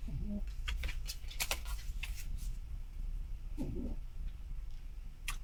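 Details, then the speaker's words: A dog asleep in a quiet room during a recording snores softly: two short, snuffly low snorts about three seconds apart over steady room hum and faint clicks. "Can you hear my dog snoring?"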